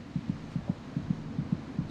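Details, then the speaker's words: Fetal heartbeat, described as quite loud: rapid, regular paired thumps at about 145 a minute, roughly twice the mother's rate. "the fetus's heart beats about twice as fast as her mother's monitoring the baby's heartbeat gives a good indication of her General condition"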